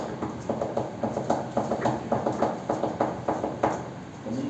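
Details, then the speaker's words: Vocally imitated triple-beat rhythm, like a galloping horse, representing a third heart sound gallop. Finding: gallop rhythm (third heart sound). "recordar también que puede haber este un tercer ruido el ritmo de galope normalmente es así no pero cuando hay como un caballo que está galopando con un caballo con un caballito galopando"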